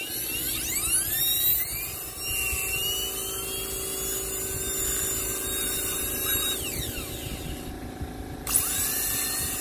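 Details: Shrill, steady high-pitched dental high-speed handpiece whine with gliding pitch changes, round bur cutting a model mandibular left first molar (tooth 19) for MOD Class II prep practice; faint room noise.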